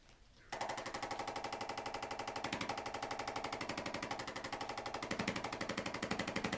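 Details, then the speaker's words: Chiropractic instrument loosening the spine of a seated patient with lower back pain, small sharp pain and frequently popping hips: rapid, steady mechanical tapping at about four pulses a second. "let your shoulders relax here nice gentle breathing okay i'm gonna use an instrument now to start loosening up your spine okay"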